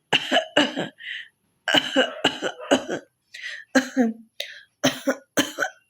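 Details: Adult woman with a slight cough deliberately performing a coughing challenge: about ten forceful, rough coughs and throat-clearing hacks separated by brief silences; acted cough.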